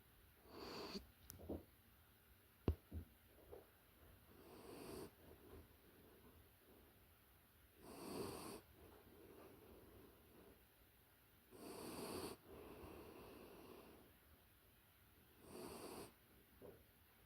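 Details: Soft, rhythmic snoring breaths with a slight snort and whistle, about four snores in seventeen seconds, with faint rustles, recorded close-up from a puppy in deep sleep; snoring.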